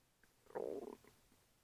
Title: stomach growling after eating chicken parm